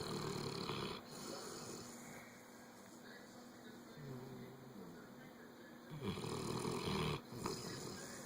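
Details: A sleeping individual snoring, with three low, rough, rattling snores over a faint, steady background hum.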